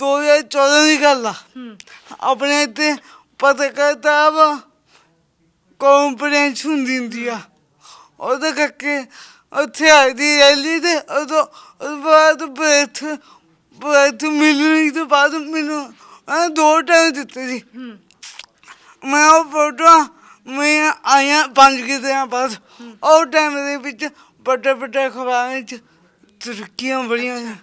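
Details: Young Sikh man with a disabled hand and a speech problem since birth; his mother cannot speak or hear; stammering.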